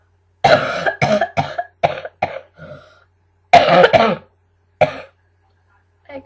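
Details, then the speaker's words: A run of harsh, loose-sounding coughs in two bouts, deliberately produced by an adult with a really bad chesty cough not helped by Benylin: productive (chesty) cough. "Um yeah, just thought I'd make myself cough just so you can hear my cough. It's pretty awful. Does anyone know anything that can get rid of a really bad chesty cough?"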